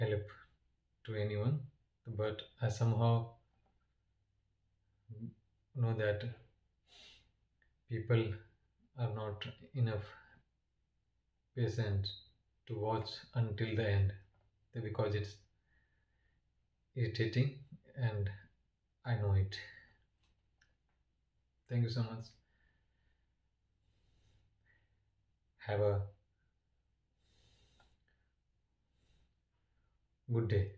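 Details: Man who stammers, with long pauses suggesting blocks that he attributes to not exhaling on time or to his lips or tongue staying closed; stuttering (stammering).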